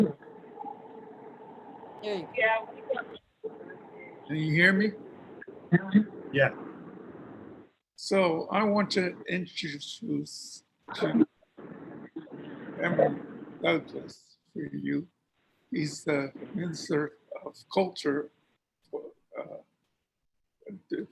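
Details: Man who reports having a speech impediment, with the cause he gives unclear, speaking at an event; speech impediment.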